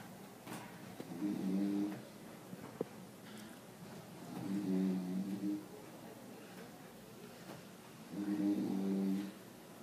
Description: While in a quite reading room someone is snoring. I can't decided if its the man in the corner or the woman directly behind me?